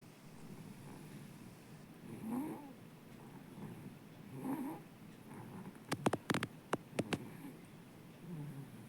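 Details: Sleeping baby snoring loudly like an adult: slow rhythmic snoring breaths roughly every two seconds over hiss, with a few sharp clicks in the background.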